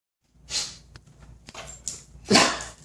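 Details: Man with a broken rib from a bike crash, sneezing after sniffing pepper: two hissing sneezes, the second louder, with breathing between; sneezing.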